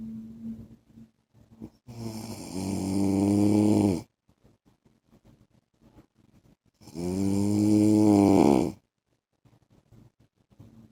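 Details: Husband asleep: two loud, long, rumbling inhaled snores about five seconds apart, each roughly two seconds, with quiet breathing between; typical heavy snoring.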